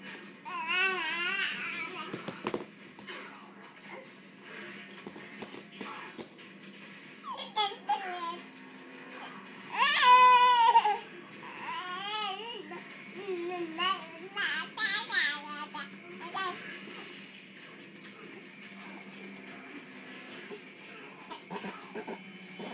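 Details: Seven-month-old girl babbles repeated voiced syllables like "dada", her second time saying it; canonical babbling.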